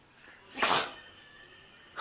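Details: Dog sneezing: a single sharp, hissing burst of air.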